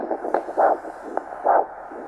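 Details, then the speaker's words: Handheld Doppler at the ankle during ankle-brachial index measurement: regular pulsing whooshes at about 65 a minute, a normal arterial signal. Arm systolic pressure was 100 mmHg and pedal pressure about 110 mmHg. "This is the arterial signal. You can hear that."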